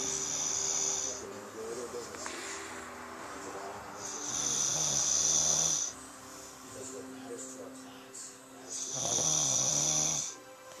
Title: Marta Says We Snore